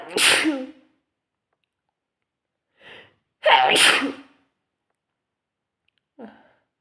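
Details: Bout of sneezing: two loud, explosive sneezes, each followed by a short sniff or breath.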